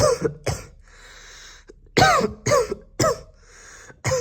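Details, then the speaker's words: An adult gives a run of short, deliberate voluntary coughs in pairs, with quiet pauses between, coughing onto a spoon on camera. "начнём ну я кашлю вам нравится так на этом я думаю стоит закончить это дело"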